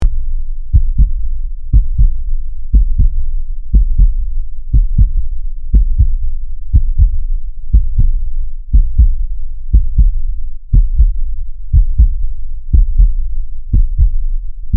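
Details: Normal human heartbeat at about 60 beats a minute, regular, with each beat a crisp paired lub-dub over a low hum, made as a sound effect.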